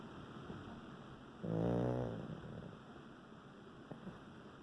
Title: Snoring Doggie